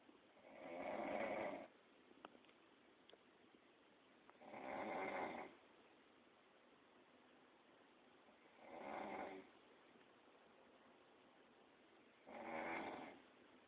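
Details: Woman snoring during sleep, dog unable to sleep: four rough, rattling snores at regular intervals, about 16 a minute, with quiet pauses between.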